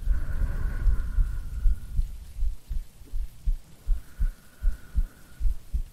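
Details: Woman's heartbeat recorded for ASMR sleep aid: soft, regular low thumps at about 78 beats a minute under rain noise, with breathing; normal heartbeat.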